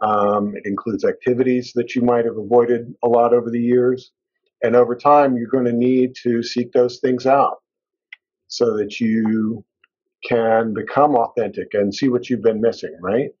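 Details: Adult male speaker; fluent speech.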